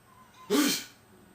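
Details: A single loud, explosive human sneeze after a brief quiet inhalation.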